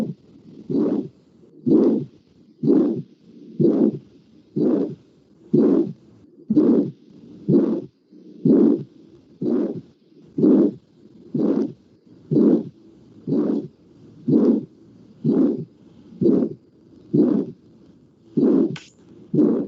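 Regular heartbeat near 62 a minute, each beat carrying a harsh whooshing murmur typical of aortic stenosis.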